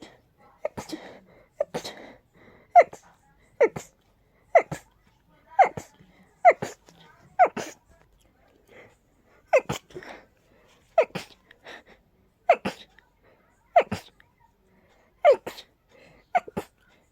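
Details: Allergic sneezing attack from very high pollen and dust sensitivity without allergy medication: a rapid, breathless run of about fifteen sharp sneezes with quick gasping breaths between.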